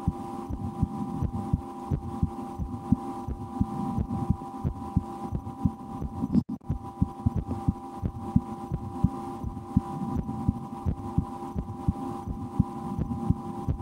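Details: Adult's own heartbeat through a stethoscope in an ASMR recording, with breath-holding and a game to speed the rate, and loud digestion after lunch; regular low thumps about 87/min over a steady hum; normal heart sounds.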